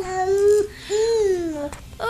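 Two short, high, tonal fussing cries from an infant, with a catch between them; an ordinary infant cry.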